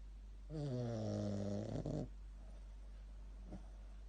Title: Super cute Shih tzu snoring